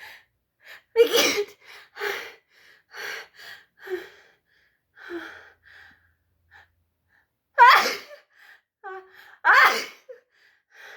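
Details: Two loud, forceful sneezes that cannot be held back, each preceded by a build-up of breathy, catching gasps, with quiet pauses between.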